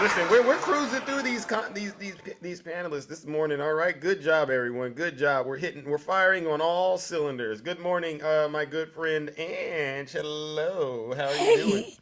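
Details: Adult man speaking; normal voice.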